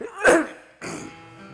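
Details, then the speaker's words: Single abrupt voiced throat grunt from an adult male actor with Tourette syndrome since childhood, whose tics include throat clearing, coughing, sniffing and throat noises: vocal tic. "when I tick I clear my throat I cough sometimes I make noises in my throat huh so"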